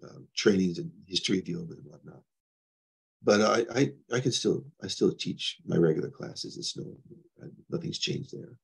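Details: Adult man with progressing Parkinson's disease who reports mild stuttering, losing his words and impaired balance; disfluent speech in Parkinson's disease.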